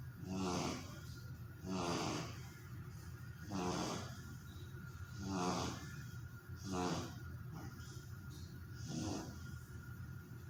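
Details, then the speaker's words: Sleeping dog snoring: five or six low rattling snores at about 30 breaths a minute, ordinary sleep snoring. "dog snoring when sleeping."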